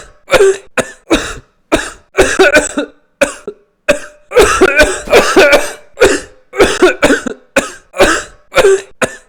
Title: Coughing 100 Times